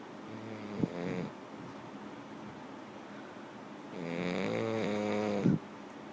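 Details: French bulldog snoring: two loud, buzzy, vibrating snores with a harsh rattling tone, ending in a snort.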